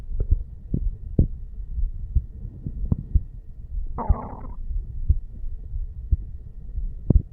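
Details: Normal heart sounds of a 35-year-old male sitting on stairs, recorded over the bicuspid (mitral) valve area: faint, regular low thumps under room noise, with a brief rustle.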